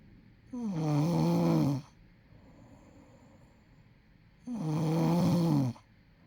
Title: snoring after driving Uber for 9 hrs